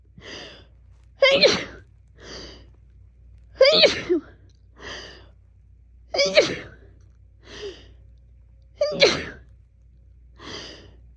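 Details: Woman sneezing all day, attributed to fall allergy season: rapid run of about four sneezes, some muffled, each preceded by a quick inward gasp; sneezing fit.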